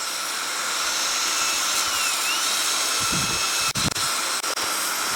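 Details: Surgical bone drill used with liberal water irrigation to open the facial recess and enter the middle ear after cortical mastoidectomy in cochlear implant surgery: steady high-pitched whine with brief pauses.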